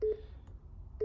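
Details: Two short, clear electronic beeps from a Corpuls patient monitor in demo mode as its scroll wheel is pressed to select a parameter such as CO2, with quiet room noise between.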